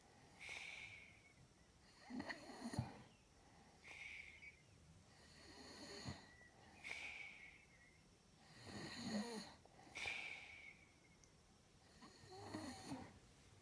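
Loud rattling snores with each breath, about five breaths over fourteen seconds, roughly 22 a minute, with a whistling edge on some breaths.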